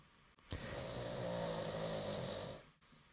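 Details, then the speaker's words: A chubby pet pug asleep: a single loud, drawn-out, rough and slightly tonal snore lasting about two seconds; snoring. "did you just hear that gigantic uh gorilla snore oh that's a little cute pudgy pug and uh he'll probably do his his uh snoring or he barks in his sleep"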